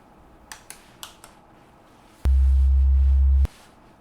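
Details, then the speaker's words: Simulated hearing-test tone in an ASMR relaxation role-play, not a medical test: initial check tones at different frequencies. A few soft clicks, then one steady low beep lasting about a second. "These tones will play at different frequencies, at different intervals, and they're just to make sure that you can hear them, okay?"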